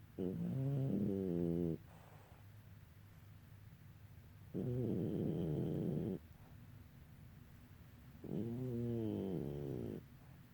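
Three long, rattling, buzzy snores about every four seconds, roughly 15 a minute, with quiet room noise between: ordinary snoring.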